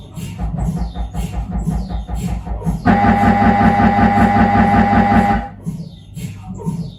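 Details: Siemens Magnetom Avanto 1.5 T MRI scanner during imaging: loud rhythmic mechanical knocking and chirping, then a steady buzzing drone with a high tone, then knocking again; gradient noise.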